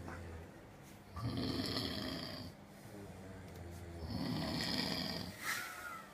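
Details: Loud, rough snoring after a hard night, with long rattling breaths drawn in about every three seconds in a small room; recorded on an iPhone.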